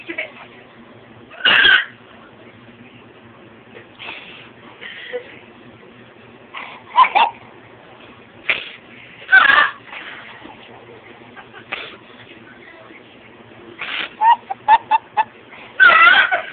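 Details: Repeated short, sharp vocal bursts at irregular intervals over about 16 seconds from a person with hiccups; hiccups.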